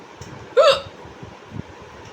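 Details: Loud hiccups from a person recording an ongoing bout of hiccups, amid throat clearing and crying-like sounds.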